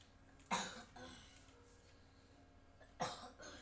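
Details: A person who is still coughing while playing a game: two single coughs a few seconds apart over quiet room noise.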